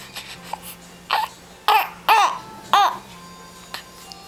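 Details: Young child hiccuping: short, abrupt voiced catches repeating about every half second over soft music.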